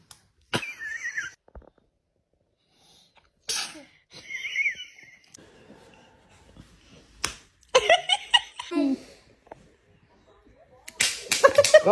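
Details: Several sharp, explosive sneeze bursts from a man, separated by quiet pauses, with laughter near the end; repeated sneezing.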